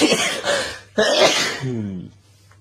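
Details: Two loud, forceful bursts of air with a voiced tail, an explosive powerful sneeze from an adult man; sneeze.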